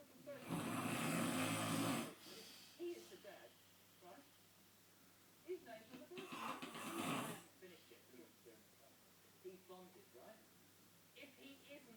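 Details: Man sleeping: two loud, harsh, rasping snores about five seconds apart, with softer noises between. Ordinary snoring.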